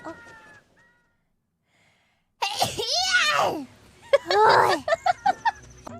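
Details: After a drawn-out squeal, a quick run of small, high-pitched sneezes follows in succession: a bout of about seven repeated sneezes.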